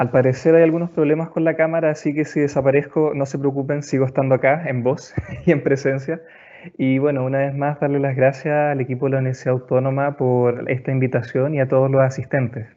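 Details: Adult man; normal speech.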